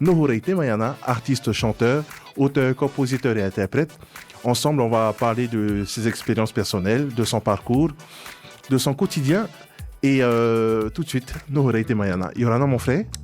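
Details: Adult male speaker; normal speech.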